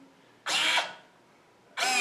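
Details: Short whirring motor bursts, each about a third of a second, from a low-cost automated bag-valve-mask ventilator driving its compression stroke (infant/child/adult, slow/medium/fast options).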